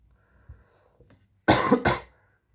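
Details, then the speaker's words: Two quick, loud coughs from an adult man who says he currently has a cough, in a quiet room. "maaf apabila suara saya terganggu karena saya sedang batuk juga"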